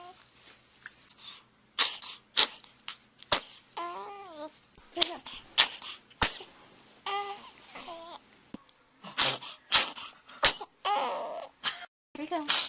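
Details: Compilation of one person's sneezes: a rapid series of short, sharp sneeze-like bursts with brief voiced catches between them, in a small room; sneezing.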